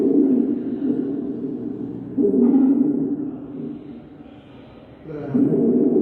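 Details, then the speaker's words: Simulated stridor from a lung auscultation teaching session: a harsh, fairly low-pitched musical noise on each breath, the lowest-pitched stridor example. "Ahora van a escuchar un estridor se le llama ahí."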